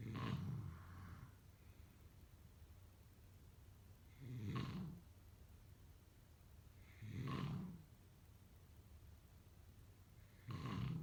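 Low, rattling snores on each breath in, roughly every three seconds, with quiet pauses between; ordinary sleep snoring.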